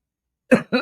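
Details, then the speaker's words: Two short, rough, congested coughs after silence from an adult with chest tightness and audible wheezing who uses breathing treatments and prednisone and says symptoms worsen with colds; cough with chest congestion. "You know, now I can you can hear the wheezing. Yeah, I need something to break that [ __ ] up."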